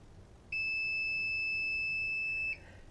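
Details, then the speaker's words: One steady high beep about two seconds long from a DCI Edge Series 4 dental chair, confirming a chair position saved by holding the zero button. "once i get it to the position i want i'm then going to hold down on the zero button until the chair beeps at me"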